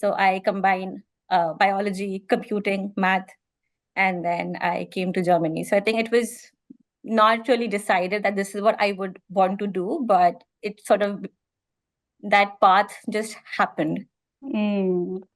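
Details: Adult woman who stammers, which she describes as more pronounced on vowels than on consonants, like a catch in her throat, speaking in a podcast interview: stuttering (stammering).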